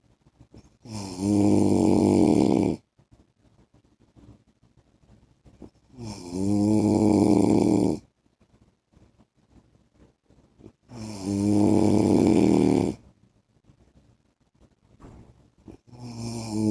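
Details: Adult man (husband) snoring in sleep: loud, buzzing inspiratory snores about every 5 seconds, roughly 12 a minute, with quiet exhalations between; heavy snoring.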